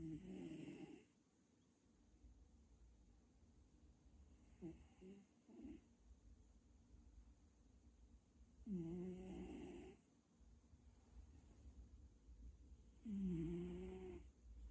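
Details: Cat or kitten snoring heavily in sleep, described as severe snoring: rough, rattling breaths about every four seconds, roughly 14 a minute.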